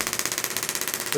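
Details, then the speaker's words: Rapid, even clicking pulses at 17 Hz, raised from 14 Hz, from a pulse wave therapy device working over a patient's forearm and wrist to treat carpal tunnel syndrome. "you can hear the rate is much quicker at 17 than 14 Hertz breaking up the adhesions in the tissue through here"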